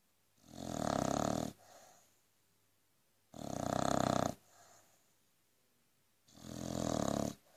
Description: Frankie the Aussie Bulldog doesn't stop snoring even if woken up! Too funny!